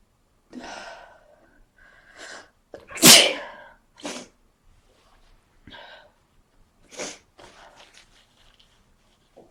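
A series of sneezes, about six to eight short bursts with quiet breaths between, one much louder than the rest.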